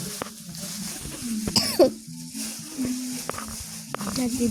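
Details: Brief child cough amid game sounds and background music, followed by quiet talk, during a cough season.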